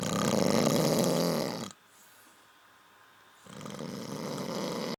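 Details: Person snoring: two loud, rough, rattling snores separated by a quiet pause, typical of ordinary sleep snoring.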